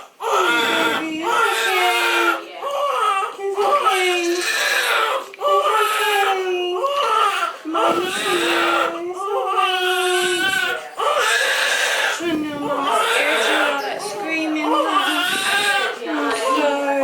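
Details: Newborn boy, third baby, just after a natural VBAC birth on the toilet, mother and baby reported healthy; loud, sustained, strong crying with short breaths between wails, a vigorous newborn cry.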